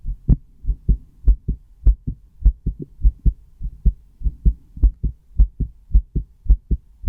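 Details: Steady paired lub-dub thumps at about 100 beats a minute: a person's own heartbeat recorded with a stethoscope.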